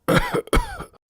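Two short, harsh cough bursts in quick succession; cough is a common symptom of asthma.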